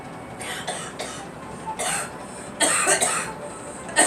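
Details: Girl giving a run of short, dry-sounding coughs over a few seconds with faint background hiss: cough.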